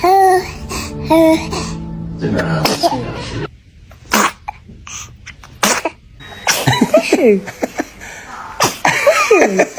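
Several short, sharp sneeze bursts from a baby, mixed with adult voices and laughter; ordinary infant sneezing.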